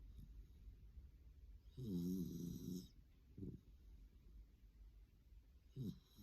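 A long rattling snore followed by two shorter snorting breaths from a small dog, in a quiet room: snoring.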